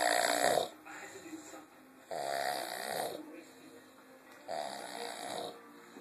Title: Snoring Gorilla